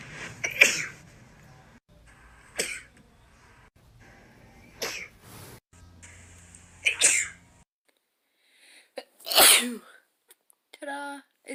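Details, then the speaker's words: A run of about six sharp sneezes in quick succession, some with a brief inhaled catch before them, in a female with a nasal feeding tube while re-taping it; a sneezing fit. "i was trying to film a video of me re-taping my tube and i couldn't stop sneezing"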